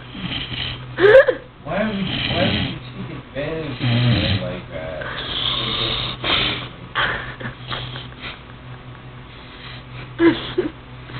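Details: Loud, irregular rattling snores with uneven breaths in a small room, faint background sound; ordinary snoring.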